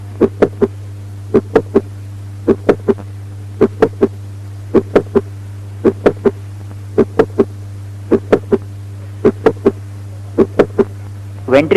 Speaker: Mid systolic click occurring midway between S1 and S2.